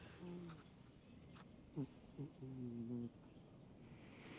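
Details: A pet named Rocky, in a home with cats, snoring.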